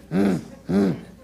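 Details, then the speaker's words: Vocal imitation of an aortic stenosis murmur: two very harsh hummed bursts, described as harsh and radiating widely, associated with valve calcification and rheumatic heart disease. "and what you're gonna be hearing is a very harsh noise very harsh horribly harsh mmm and radiates all over the place"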